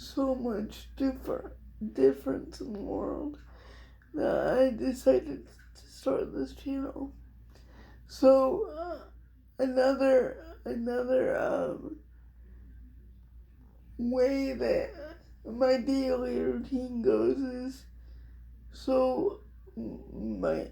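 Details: Adult female with cerebral palsy, diagnosed at 6 months old, which she thinks is level 4 or 5, affecting all parts of her body, including her hands and somewhat her speech; she also has dystonia. Dysarthria (cerebral palsy).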